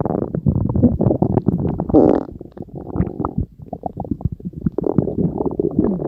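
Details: Stomach growling (borborygmi): loud, continuous gurgling and bubbling rumbles with squeaky, groaning swirls.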